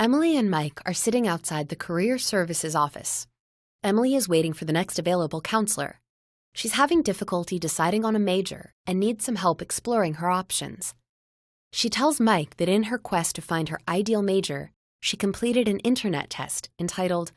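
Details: Adult narrator, possibly synthesized voice; ordinary speech.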